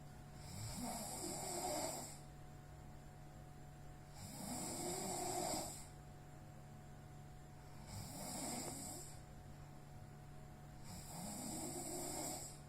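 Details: Heavy snoring during sleep when exhausted: loud rattling snores on each breath in, about 18 breaths a minute, with quiet breathing out between.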